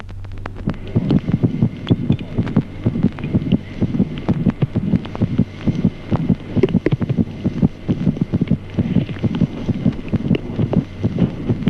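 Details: Fetal heart sounds with maternal pulse.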